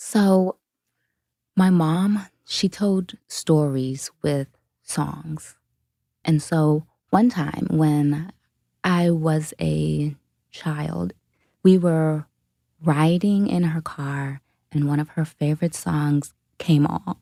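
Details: Adult woman who self-reports a stutter; stuttering.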